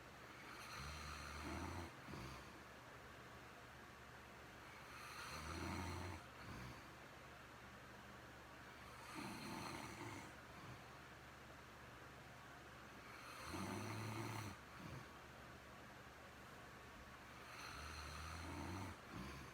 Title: Stoned snores